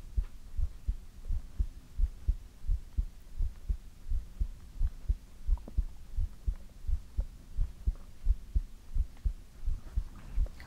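Steady low thumping heartbeat, about 87 beats a minute, regular rhythm with a faint hum beneath; a normal heartbeat.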